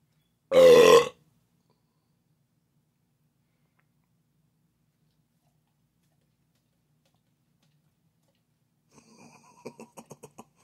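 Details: A human burp for a Weimaraner dog: one loud, low, voiced burp lasting about half a second, then silence and faint licking or clicking sounds.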